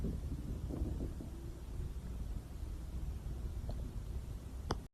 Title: Stomach Growling